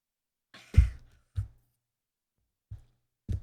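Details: Japanese girl burping after drinking 1.5 of cola: four short, deep burps, the second loudest and longest, with silence between them.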